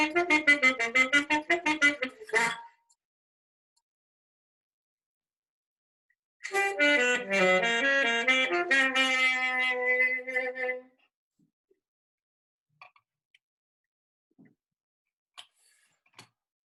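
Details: Adult professional saxophonist with embouchure focal dystonia: saxophone phrases and an attempted basic easy tone with wavering, sliding pitch and uneven tone, with unwanted facial movement and scooping tongue formation.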